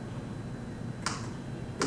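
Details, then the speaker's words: Two sharp, brief clicks over quiet room noise: single transcranial magnetic stimulation (TMS) pulses from a focal coil fed by capacitors; a pulse over the shoulder causes contraction, over the brain activates neurons. "se eu aplicar esse pulso magnético no meu cérebro eu tenho a ativação de grupos de neurônios que estão dentro desse campo magnético expostos a esse campo magnético"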